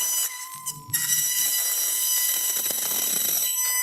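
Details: Steady high-pitched whine of a high-speed surgical drill with faint room noise, during a spine surgery demonstration of pin-guided implant placement.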